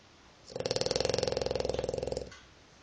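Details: Milo the dog snoring, described as snoring like a pig.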